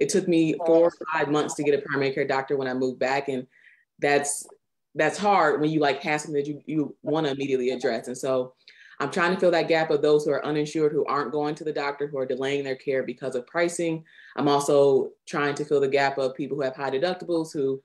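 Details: Adult speaker; normal speech.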